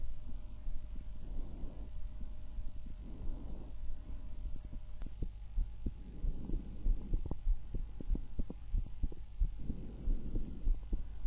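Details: Normal heart and breath sounds from the recordist's own chest, one of six auscultation sites: soft steady heartbeat at about 94 a minute under gentle, regular breath sounds, with low hum.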